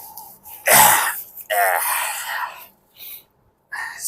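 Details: Acted comedy sneezing: a loud, forceful sneeze, then a drawn-out, exaggerated second sneeze and some throat noises.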